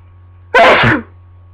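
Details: One loud, explosive sneeze in a quiet room, from a lingering cold that won't go away.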